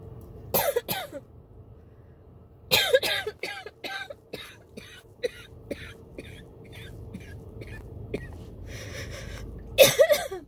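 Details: Simulated-free real coughing fit recorded in a car: a throat tickle turned into bursts of harsh coughing with throat clearing and short gasping breaths, with shortness of breath; chest patting, drinking water and an inhaler near the end did not stop it.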